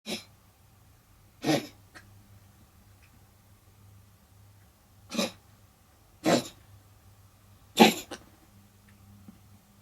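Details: Cat coughing while another cat watches, a behavior often done when bringing up hairballs; several short, harsh, forceful coughing bursts; cat coughing (hairball).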